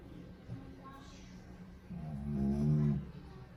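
Soft breathing that swells into one rough, buzzing snore from a sleeping dog.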